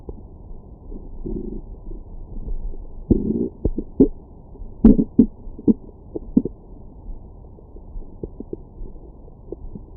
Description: My #StomachGrowls after breakfast.